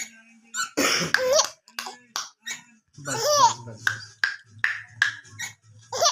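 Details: Laughter broken by repeated short, sharp catches in the breath: hiccups during laughing.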